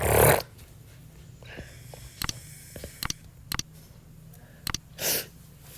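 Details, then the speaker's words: Grandfather snoring: two loud, rough, snorting breaths about five seconds apart in a quiet room, with faint clicks between them. "Roncando bien fuerte. Están roncando bien fuerte. Y no sé qué hacer."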